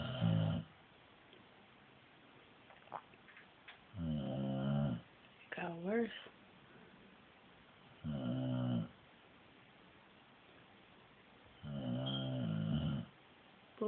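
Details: Sleeping female dog snoring like a human: slow, deep, rumbling snores every few seconds, about 15 a minute.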